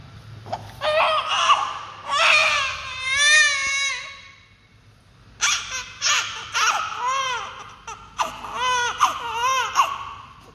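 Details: Newborn baby crying: bursts of high, rising-and-falling cries with short pauses between; ordinary fussing.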